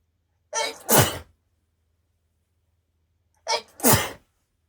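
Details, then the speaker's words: Adult woman's allergic sneezing, which she links to flowers around Valentine's Day: two forceful sneezes, each with a quick inhaled wind-up, in a quiet room. "you can tell these are allergy sneezes because when I sneeze I sound so disgusting and not very cute at all really sorry"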